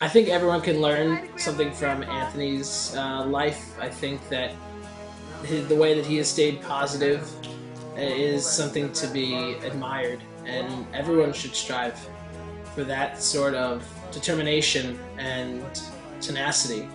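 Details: Adult speaker; normal speech.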